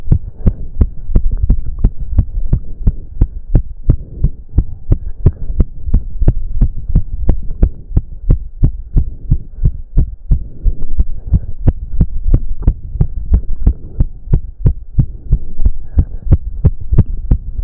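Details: Male heartbeat during an intense cardio workout of about 15 minutes, with heavy breathing. Fast, strong, pounding beats at about 170–180 a minute; he reports close to 200 bpm. Sinus tachycardia.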